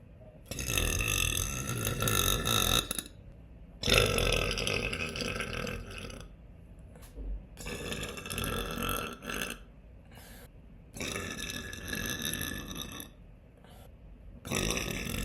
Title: Uncontrollable #burps